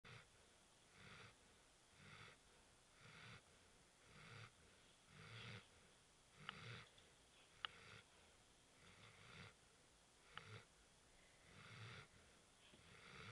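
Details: Steady rhythmic snoring, about 10 breaths a minute, each with a low rumbling and hissy noisy phase; faint room noise: snoring.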